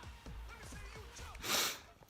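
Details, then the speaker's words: Adult with a sneezing bout while watching television: snuffly nasal sounds building up to one loud single sneeze. "see i'm talking i've stopped sneezing anyway"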